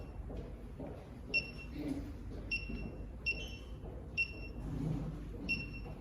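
Repeated short high-pitched electronic beeps from an infusion pump during sound-setting adjustment, over faint room noise.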